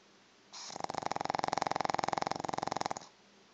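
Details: Pug snoring: one long breath of rapid rattling flutter, about three per second, buzzing through the airway; loud snoring in a flat-faced dog.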